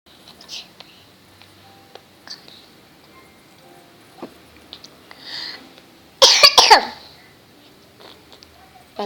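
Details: Young child coughing, who says they have a stomach ache: a short burst of a few harsh coughs amid quiet room noise.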